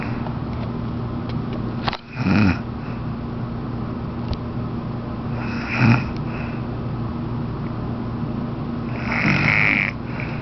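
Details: Grandmother (older woman) snoring during sleep: a few soft snoring breaths roughly every three to four seconds over steady background hum; snoring.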